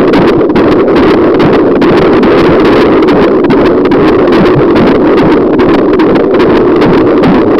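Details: Fetal heartbeat heard during pregnancy on a fetal Doppler: fast, whooshing galloping pulse, roughly 140 beats a minute.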